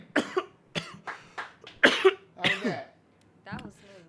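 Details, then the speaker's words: Adult coughs in a run of about six harsh bursts just after inhaling smoke, throat irritation. "hit that let me hear that cough come on don't hold it in"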